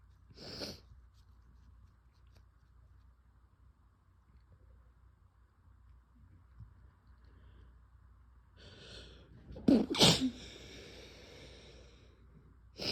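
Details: Sneezing with a cold: two forceful explosive sneezes with a quiet stretch between them, ending in a sharp burst.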